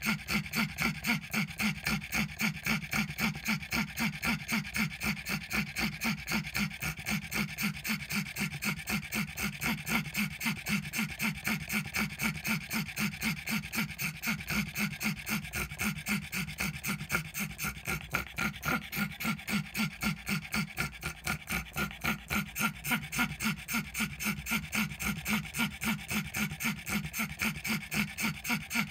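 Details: Pug with noisy wheezing breathing: fast, steady panting, each breath carrying a harsh, wheezy rasp.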